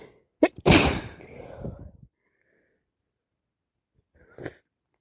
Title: Talking about my cold with loads wet sneezes and sniffs while blowing my nose